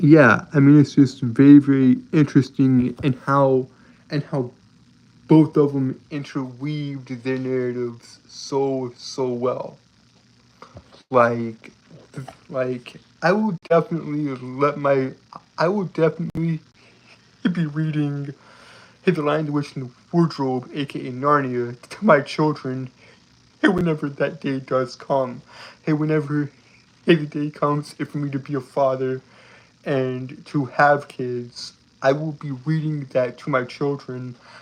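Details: Adult man with a lifelong speech impediment he calls a disability, speaking with a slight southern accent; stuttering.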